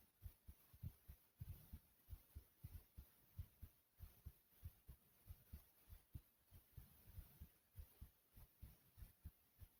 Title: Pounding Heart Sounds